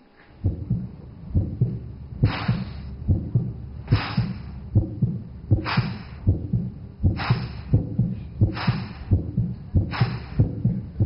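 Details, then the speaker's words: Harsh, breathy whooshing murmur over regular heart sounds at about 75/min, heard by stethoscope on the heart: aortic stenosis in a young woman, possibly a congenital bicuspid valve or rheumatic. "So when you put this on to the patients heart, a noise like breathing is heard"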